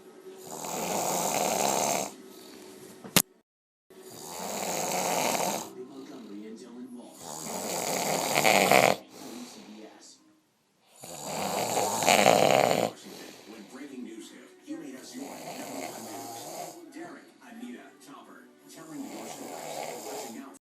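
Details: Extremely loud snoring, called the world's loudest snore: harsh, rattling snores in long bursts with brief pauses, then quieter rough breathing.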